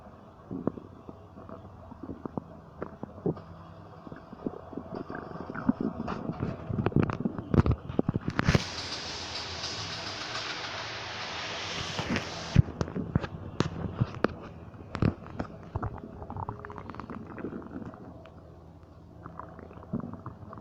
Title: Stomach Noises 4